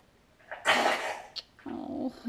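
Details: Dog with a cough that began the day before; the owner suspects a local respiratory illness rather than kennel cough. Harsh, honking cough burst, then a rough, gagging exhalation; a dry cough resembling kennel cough.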